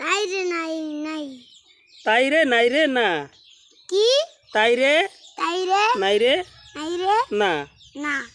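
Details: Stuttering in a small boy reciting a rhyme.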